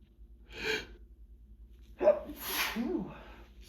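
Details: Hay fever sneezing fit: two loud, forceful, wet sneezes over a low background hum, one bout in a long run of repeated sneezes, sneezing into a hand towel.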